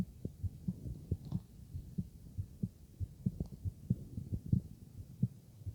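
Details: Stethoscope heart auscultation: soft, low thumping normal heartbeats, somewhat uneven in spacing, with a faint hum underneath.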